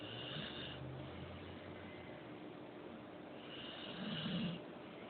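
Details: Puppy snoring while sleeping on pillows and blankets: soft rumbling breaths with low snorts under steady room noise.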